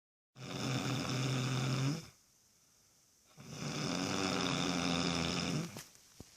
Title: LOUD SNORING.!!